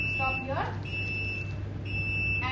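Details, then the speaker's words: Steady high-pitched electronic alarm over low machine hum, briefly interrupted, from a neonatal infant radiant warmer, shown while explaining its alarms for temperature error, power failure and system failure. "So this will be indicating and when you want to stop this alarms you have to stop"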